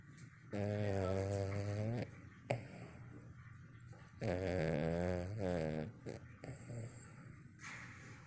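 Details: Sleeping dog, Yogi, snoring loudly with eyes twitching: two loud, rumbling snores on slow breaths with softer breathing between; ordinary snoring.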